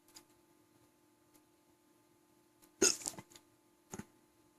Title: Long case of the hiccups, part 2